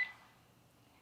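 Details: Sigma Spectrum infusion pump while programming a secondary IV infusion: a single short, high electronic keypad beep that fades quickly in a quiet room; normal device sound.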